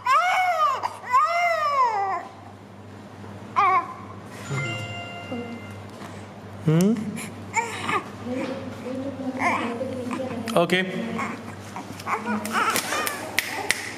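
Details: Frightened infant after suture removal, before ointment is applied: loud rising-and-falling wails with whimpers between, an adult voice soothing, and room noise.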